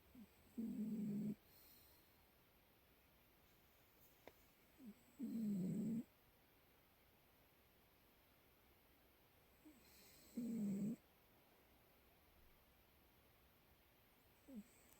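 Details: Sleeping cat gives three soft, low, buzzy snores about five seconds apart, near 12 breaths a minute, with quiet between: gentle snoring.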